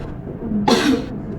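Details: Nurse-guided effective cough training for a woman patient to clear her airway: after a deep breath in, one strong, forceful cough as the demonstrated technique.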